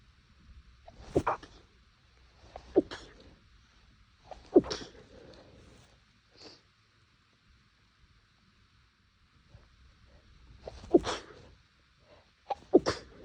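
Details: About six muffled, suppressed sneezes with short gasping intakes and quiet pauses between, held back to stay quiet; itchy nose that the person thinks may be due to temperature changes.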